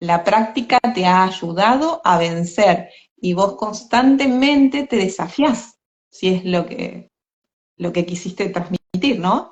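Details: Adult woman speaking Spanish; normal conversational speech.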